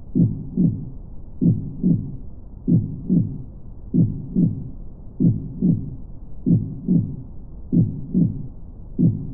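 Steady, paired low thumps at about 48 beats a minute, a slow, regular heartbeat with clear lub-dub pairs.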